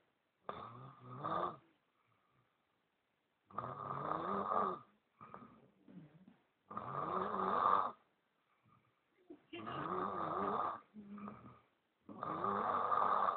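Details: Adult man (boyfriend) snoring while asleep: loud rattling snores on each breath in, quieter sounds between, about 20 breaths a minute.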